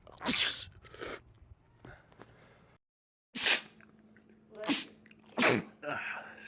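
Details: Men's rapid sneezing compilation: several sharp, explosive sneezes in quick succession with faint room sounds between them; a rapid sneezing attack.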